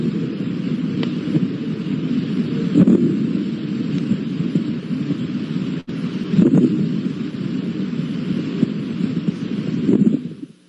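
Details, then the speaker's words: Teaching example of adventitious breath sounds: low, rumbling breath sounds with scattered brief, louder, lower-pitched popping clicks, coarse crackles. "crackles are intermittent non-musical and brief like dots in time fine crackles are soft high pitched and very brief [Music] do you hear the popping sound okay crackles are louder lower pitched and"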